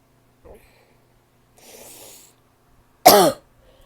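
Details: Barking cough (f): after a noisy breath in, one loud, harsh, voiced cough with a hoarse, bark-like tone.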